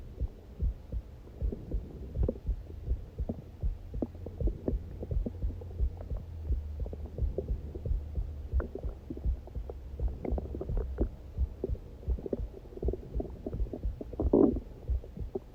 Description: This was just supposed to be a heartbeat video but I was starving.